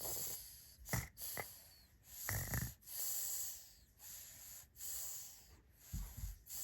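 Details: Sleeping baby snoring: soft, rhythmic noisy breathing with snorting, rumbling snores on several breaths, ordinary harmless infant snoring.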